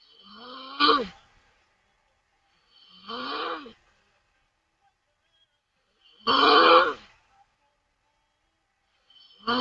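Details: Taiwanese woman snoring loudly with mouth open while asleep on stream: loud, rough, rattling snores about every three seconds, each with a quieter lead-in sound.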